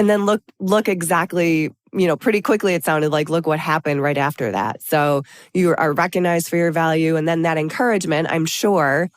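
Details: Adult woman speaking; Normal speech.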